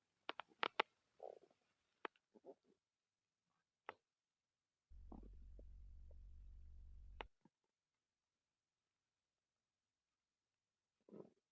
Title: Male stomach growl 87